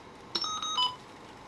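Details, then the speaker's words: Click then a short sequence of steady electronic tones at switch-on of a Babylog 8000 plus neonatal ventilator, switched on from the back; power-on self-test taking under 30 seconds. "it will take less than 30 second for self test here"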